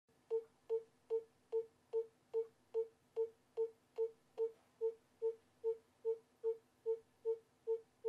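Regular, evenly spaced tonal beats from a fetal monitor at about 146 per minute; a normal fetal heart rate, simulated for training.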